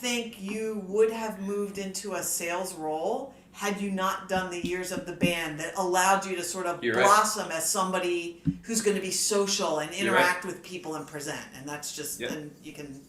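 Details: Adult speaker; ordinary speech.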